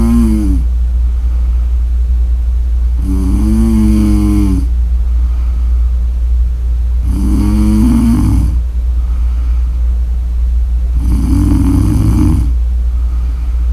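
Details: Sleeper's snoring recording: three loud, rattling snores on in-breaths, about one every four seconds, over a steady low hum.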